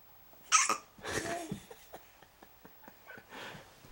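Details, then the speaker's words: Hiccups that sound painful, in a quiet room: a sharp, abrupt gulping sound, then softer breathy sounds and faint clicks; milk is suggested to drown them. "she try some milk should try to drown the hiccups they say"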